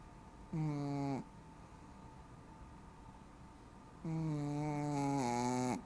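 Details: A female snoring during sleep: two drawn-out, tonal, buzzing noises on breathing, separated by quiet room noise; snoring with a humming, whistly quality.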